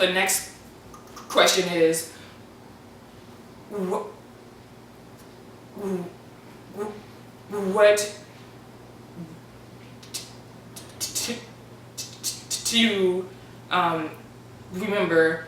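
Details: Stuttering in an adult man; some stuttering edited out, though still representative.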